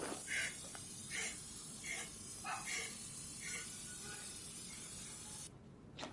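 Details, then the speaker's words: Dog with upper airway obstruction in marked respiratory distress, with a very narrow airway passage found on sedated laryngeal exam: noisy airway sounds on breathing, tracheal airway noise. "como ves este paciente pues está sufriendo un distrés importante"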